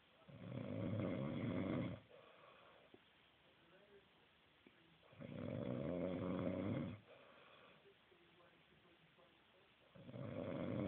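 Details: Adult man who claims he doesn't snore: loud rattling snores on each in-breath with quiet pauses between, about 13 breaths a minute; snoring.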